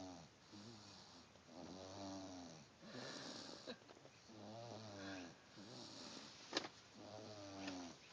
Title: Snooooozing & snoring!